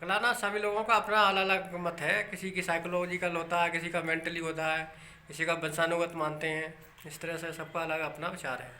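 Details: Adult man speaking Hindi; no speech disorder.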